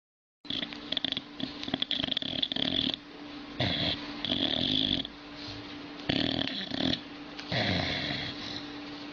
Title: Old dog is snoring very funny like a human